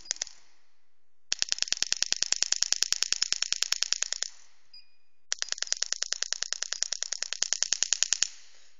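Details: Pneumatic radial shockwave therapy device, LGT-2510B, firing in special shock mode (M1), during a demonstration with pressure and frequency adjustable mid-treatment: rapid, regular sharp clicks, about 200 a minute, in two bursts separated by a pause.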